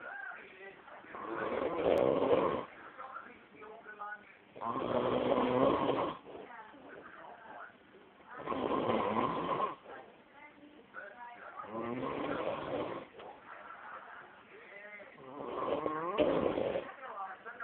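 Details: Man asleep snoring very loudly: rattling snores on each breath in, about every 3.5 seconds, roughly 17 a minute, with quieter breaths out between; heavy snoring.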